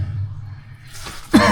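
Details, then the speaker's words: Adult caver digging out flowstone in a cave gives one abrupt, forceful cough after likely swallowing about ten gnats and gunpowder dust, over a low background hum: cough. "[Toux] Les moucherons ! J'ai probablement avalé environ 10 moucherons ! Des moucherons et de la poudre à canon."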